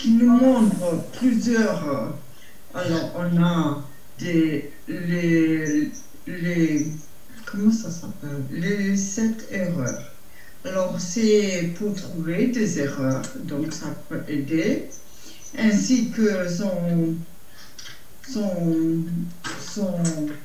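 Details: Adult man with Broca's aphasia after stroke, aphasic for a little over a year, who says he speaks very badly; Broca's aphasia.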